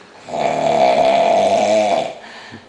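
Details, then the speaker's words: Man snoring heavily while drunk on New Year's, not waking despite loud talking, heard from downstairs: one long, loud, rough rattling snore with a buzzing vibrating quality; likened to an exhaust system; snoring. "you sound like a [ __ ] Toyota point8 your mouth nothing's moving man where the [ __ ] that sh coming out exhaust system"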